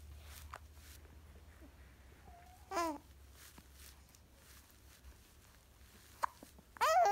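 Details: Wide-eyed small child with hiccups: a few short, abrupt voiced catches, about three in seven seconds, in a quiet room; hiccups.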